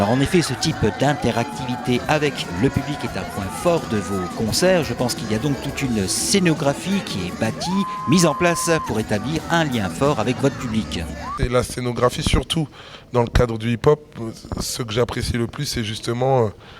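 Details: Adult male interviewer; normal voice.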